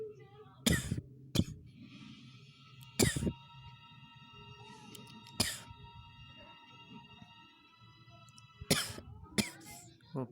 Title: coughing